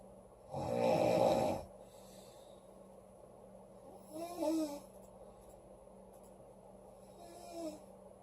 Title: Loud girl snoring August 9 2017